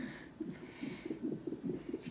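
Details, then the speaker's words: Fast, regular whooshing fetal heartbeat, about 140/min, on a hospital fetal monitor during labour. "as you can hear there's baby's heartbeat"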